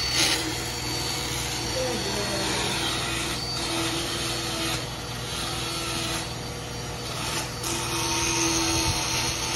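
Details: Continuous motorized grinding and rasping with irregular scraping strokes: a power float filing a mare's teeth during a herd dental check.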